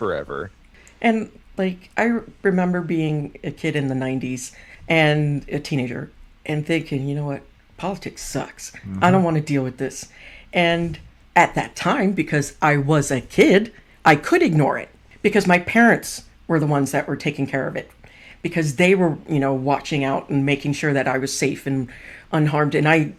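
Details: Adult speaker; ordinary speech.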